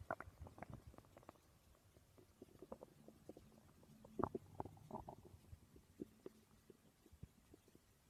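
Quiet, low gurgles and rumbles come in short irregular bursts from the belly: ordinary stomach growling, normal gut sounds.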